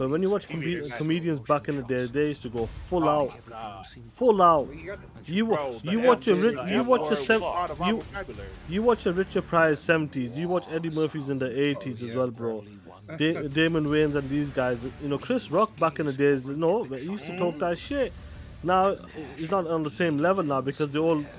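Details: Stuttering in an adult man who stuttered as a child and still stutters occasionally.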